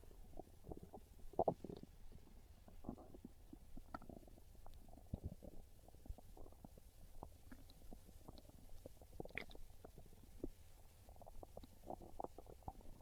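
Quiet, irregular gurgles and low rumbles over faint background hiss; ordinary hunger growling of the stomach.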